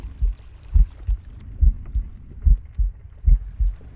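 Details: Pig's normal heartbeat: low, regular thudding beats at about 70 per minute, with faint rustling breathing and soft stomach rumbling between them.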